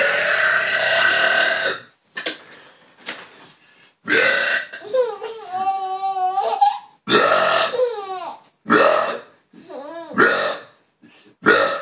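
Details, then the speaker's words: Several long, loud, deliberate burps from an adult man, each followed by giggling laughter from his 8-month-old daughter; burping. "mama she loves the burp"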